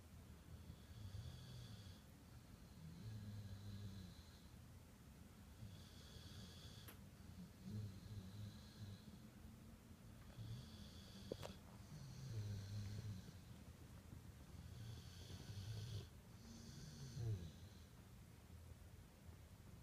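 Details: Dog named Raja, asleep and described by the owner as snoring like a chainsaw: soft, steady low snores with each in-breath, about 13 a minute, in a quiet room; ordinary snoring.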